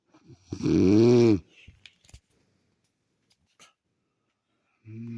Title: My Wife snoring